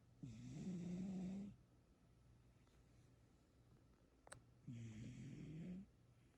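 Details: Female cat asleep, apparently dreaming: two low, rattling snores about four seconds apart, each with a hissy airflow edge, in a quiet room; snoring.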